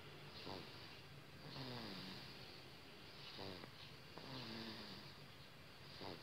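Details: Infant snoring: soft rhythmic snore with each breath, about 20 breaths a minute, over steady background hiss.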